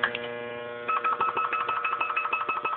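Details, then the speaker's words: Defibrillator charging at 2 J in a demonstration: a steady electronic tone gives way to rapid repeating beeps as it charges. "Oh charge po yan. Discharge."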